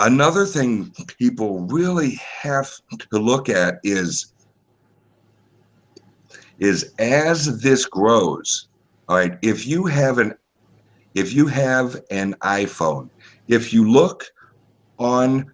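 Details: Male podcast guest's self-reported speech impediment, type not named; disfluent speech heard. Finding: speech impediment.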